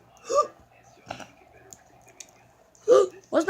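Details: Irregular short, abrupt voiced hiccups over faint clicking and room noise.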